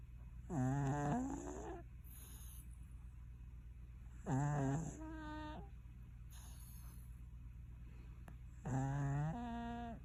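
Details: Cat snoring during sleep: three low, rumbling, voiced snores about four seconds apart, roughly 15 a minute, over a steady room hum.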